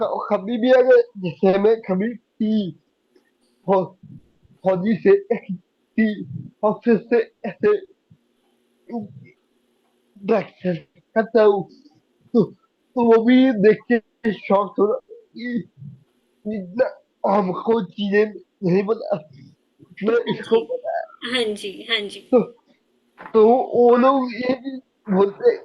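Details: Young adult man with cerebral palsy since age 2; could not speak as a child and still needs double effort to speak, cannot say things clearly; dysarthria.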